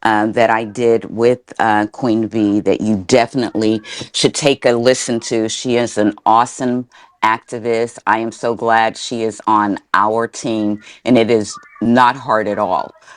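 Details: Adult speaker; typical speech.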